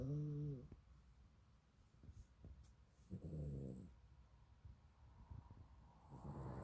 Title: snoring